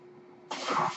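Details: Speaker's own mechanical ventilator, audible while he talks: a quiet room, then a sudden hissing rush of air; one ventilator breath.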